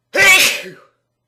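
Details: A single sharp, explosive sneeze with a quick fade; sneezing.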